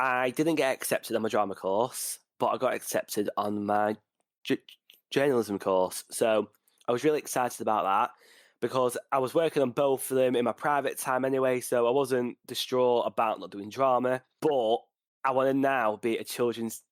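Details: Stuttering (stammering) in a 20-year-old male UK university journalism student, present since about age four, real speech.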